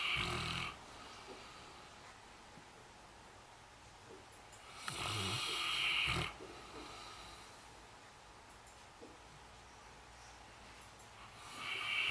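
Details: Female Saint Bernard dog asleep in the kitchen, giving slow, loud, rattly snores about every five to six seconds with quiet pauses between breaths; dog snoring.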